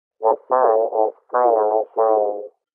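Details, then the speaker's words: Simulated cochlear implant hearing at poor sound quality: the sentence "The sun is finally shining" heard as buzzy, hollow, hard-to-follow speech, an approximation of what an implant user perceives. "Finally, the sun is finally shining. The original sounds like this. The sun is finally shining. Poor quality sounds like this."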